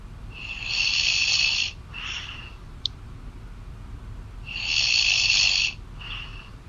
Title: Girlfriend snoring loud on call